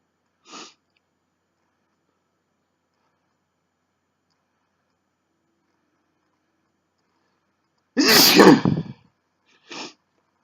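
One loud, forceful sneeze with a sharp intake before it and a short breathy sound after, set against silence.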